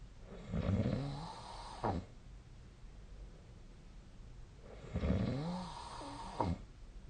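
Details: Adult snoring during sleep, recorded with the SnoreLab snoring app: two loud, rattling, low snores on the in-breath, each ending in a short snort, about four seconds apart.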